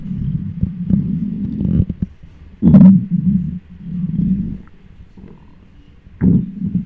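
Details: Loud, low gurgling growls and rumbles with sudden bubbly surges from a hungry, empty stomach, recorded with a microphone on the belly: normal hunger bowel sounds (borborygmi).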